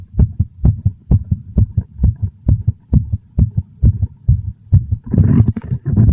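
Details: Strong, steady paired thumps at about 130 beats a minute, very noticeable; a fast but regular heartbeat.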